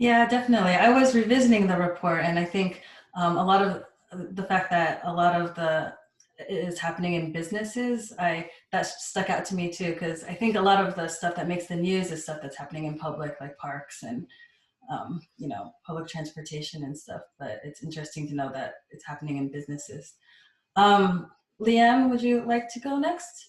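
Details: Adult woman speaking in a small room; normal speech.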